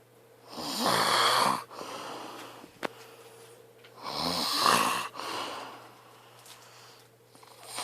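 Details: Snoring from a sleeping overweight man.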